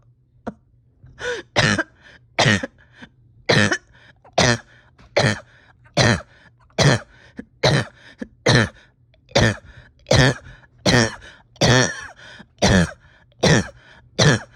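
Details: Painful coughing spell of about eighteen forceful coughs at a steady pace with short breaths between, in a patient with a tight chest after a rough weekend, oxygen levels holding steady.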